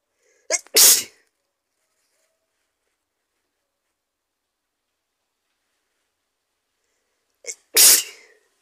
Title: Four sneezes and a little bit of spray 💕